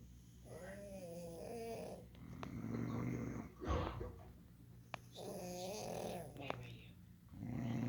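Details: Adult man (fiancé) and a pet pug dog alternately snoring, loud rattling snores on each in-breath, some with a whistling tonal edge, between quieter breathing; ordinary snoring.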